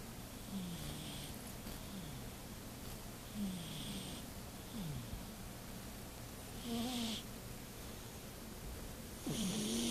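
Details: Sleeping pet cat, snoring quite loudly: soft, rhythmic snuffling breaths at about 20 a minute over steady room hum; snoring.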